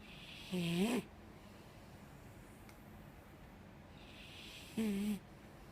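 Two soft, low snoring breaths about four seconds apart, separated by quiet room hiss.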